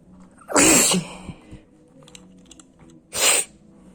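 Two sharp, explosive sneezes a few seconds apart in a small quiet room.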